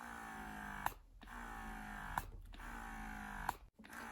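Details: Steady motor hum broken by a sharp click and brief drop about every 1.3 seconds: a Bellababy wearable breast pump cycling in massage/suction mode, running with a balloon attached to show suction.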